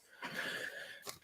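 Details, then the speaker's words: One drawn-out, whistling snore from a dog sleeping in front of a radiator after long walks, ending with a short snort; ordinary resting snoring. "you could hear the dog snoring I both of them Maria in front of the uh in front of the radiator chilling like villains"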